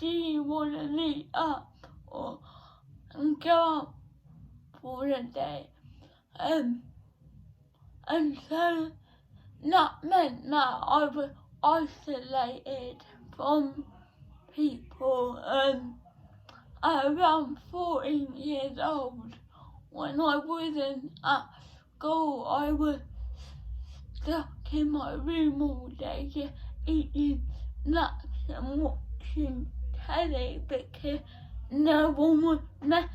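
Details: 17-year-old female with cerebral palsy since birth, diagnosed at 14 months, which she says affects her speech; speech therapy from an early age; dysarthria.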